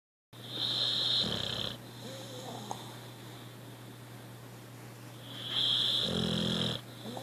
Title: Snoring Puppy